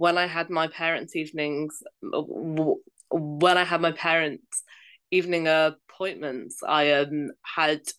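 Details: Adult female primary school teacher who stammers, speaking in an interview; stammering.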